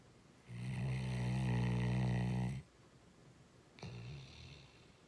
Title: Bentley snoring!!